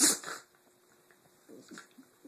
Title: Sneezing Puppies